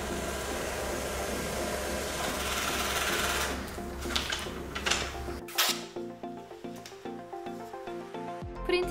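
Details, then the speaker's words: Defibrillator test print during an equipment check of an advanced defibrillator (Nihon Kohden EMS1052, Corpuls 3 or ZOLL X Series): room noise, then a rapid stuttering mechanical whir of the printer feeding paper. "테스트 프린트를 해 보고 선명하게 인쇄된 2"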